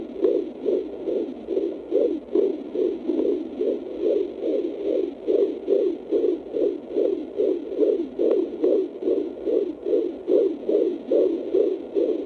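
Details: Fetal heartbeat picked up by a home fetal Doppler: rapid, regular whooshing, galloping pulses at about 143 a minute.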